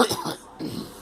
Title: Girl coughing